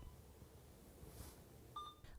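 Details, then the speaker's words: Electronic infusion pump in a nursing procedure demonstration, switched on with the infusion rate set in volume per hour and started; a short electronic beep over quiet room noise while the pump runs. "press the power button to turn on the device and set the infusion rate to the required volume per hour and press start"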